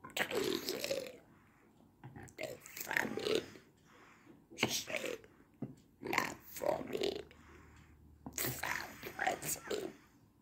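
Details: Man using esophageal voice, in speech therapy since April 2019; esophageal speech.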